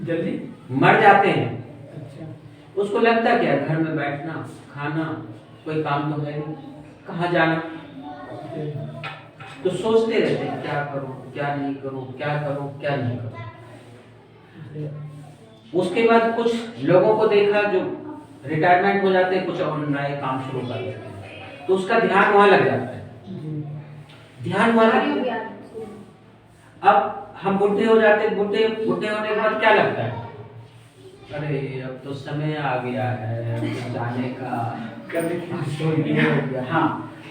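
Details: Adult man speaking Hindi; normal speech.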